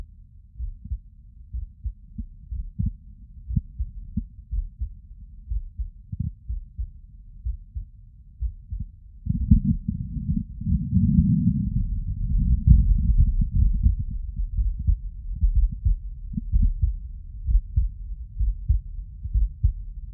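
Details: Normal heart sounds heard through a stethoscope (CS-417 phonendoscope and electronic): regular low heart thumps with a stretch of rubbing noise midway.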